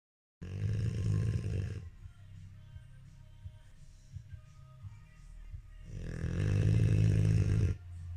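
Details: Two loud, deep, rattling snores separated by a quiet pause, from a sleeping dog; snoring.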